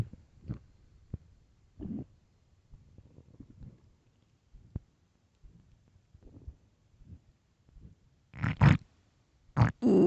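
Irregular low gurgles and rumbles, ending in louder growls: hunger-related stomach growling, a normal bowel sound.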